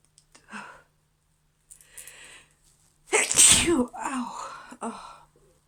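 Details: Female with an injured back that makes sneezing hurt; tickly sneeze with soft build-up breaths, one loud explosive sneeze and a trailing exhale: sneezing.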